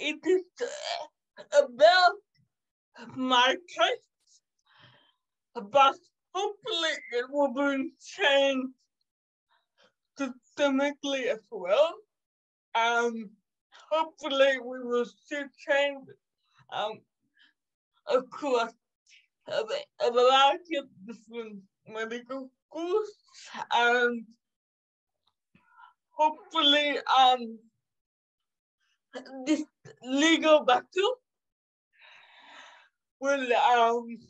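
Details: 27-year-old woman with cerebral palsy caused by severe neonatal jaundice; doctors predicted in childhood she would never walk or talk; she says it makes her sometimes speak and move differently; dysarthria.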